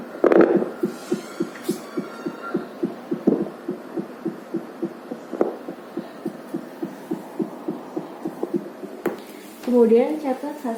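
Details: Fetal Doppler calibration test with a fetal heart simulator set to 210 bpm: rapid, evenly spaced Doppler whooshing thumps at about 210 a minute, simulated fetal heartbeat.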